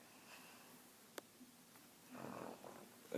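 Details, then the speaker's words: Female cousin asleep at night gives one rough, fluttering snore in a quiet room after a faint click; loud snoring keeping others awake. "little update this my cousin she's snoring so loudly I can't [ __ ] sleep"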